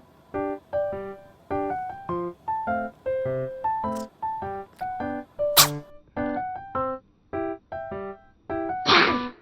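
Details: A belly-up Exotic Shorthair cat gives a clear sneeze.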